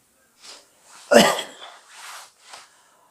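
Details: Acted sneeze in a monodrama: a short in-breath, then one loud explosive sneeze and a few breathy sounds, from a character with a lingering cold and headache after many drinking gatherings.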